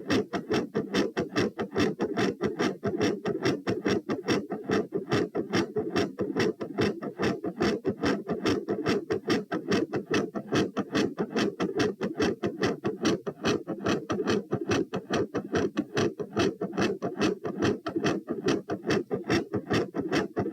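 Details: Heart sounds recorded at position P while standing: fast, regular rhythm with a soft first sound and a louder, sharper second sound; tachycardia with soft S1 and loud S2.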